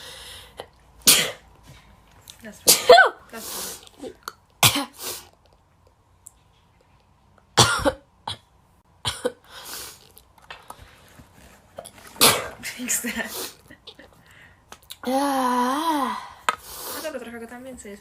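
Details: Compilation of rapid induced sneezes: several short explosive bursts of air with quiet gaps between them and brief voiced sounds near the end; sneezing.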